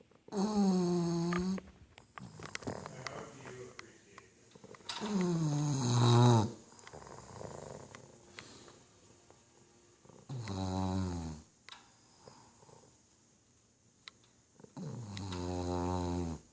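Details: Pet snoring heavily while asleep with its tongue out: loud, rumbling snores with buzzing in-breaths, about four in the clip, separated by softer rattly breaths.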